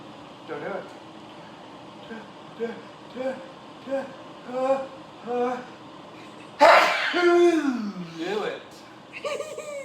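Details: Adult man in a severe sneezing fit, four sneezes in under two minutes: a sneeze.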